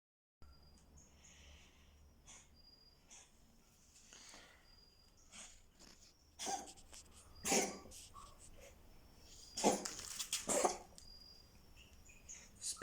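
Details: Cough in a male cat: a short run of about four sharp, harsh coughs over several seconds; he recovered after being calmed and given water.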